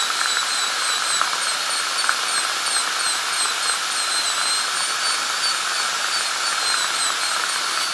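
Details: Steady high-pitched whine with slightly wavering pitch as a dental drill runs over a tooth's line angle, during an ADC practical exam demo of an FGC preparation on tooth #36.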